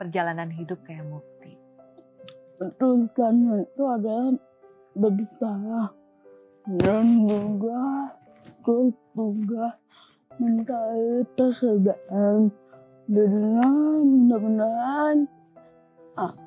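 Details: Young woman with cerebral palsy from birth; walked after age two and hospital said not polio; speech also difficult; dysarthria.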